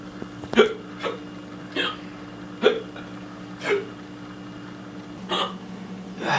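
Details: Acted hiccups in a comedy sketch: repeated short, sharp throaty catches about every second, six in six seconds, over a low hum.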